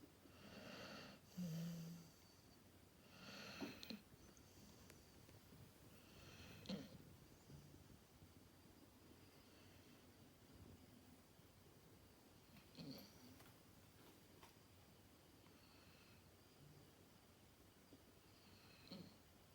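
Soft, irregular snorting snores and nasal breaths in a quiet room. This is ordinary dog snoring, with no clear wheeze.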